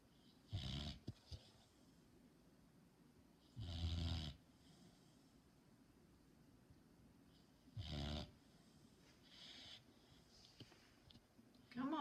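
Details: Sleeping pet snoring: slow, loud rattling snores about every four seconds with hissing airflow between; ordinary snoring.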